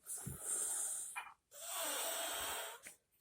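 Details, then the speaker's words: Young child asleep stacked on another child in a chair, described as a loud snorer: two long hissing, whistling breaths with brief snorts, noisy breathing through a blocked nose. "this child snores louder than your grandpa anybody want to bet me any type of money this is your loudest snoring child"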